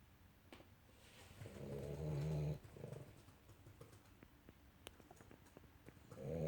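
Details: Small dog sleeping, snoring constantly with a loud, low rumbling snore on the in-breath followed by quieter breathing noises.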